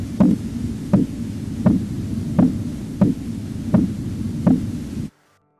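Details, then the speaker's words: Regular tapping thuds at about 80 a minute over the artery during cuff deflation: Korotkoff sounds, onset (phase I) marking systolic pressure, in manual non-invasive blood pressure measurement. "per la determinazione della pressione arteriosa sistolica si deve scegliere la fase uno dei tonni di"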